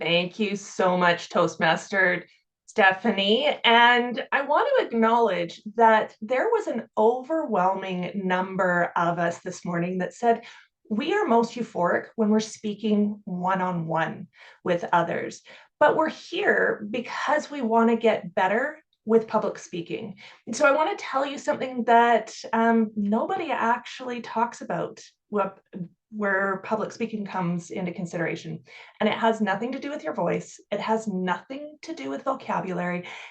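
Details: Adult woman; ordinary speech.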